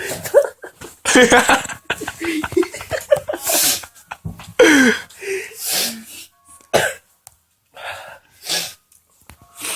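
Several sharp bursts of sneezing mixed with breathy noises and vocal sounds in a small room.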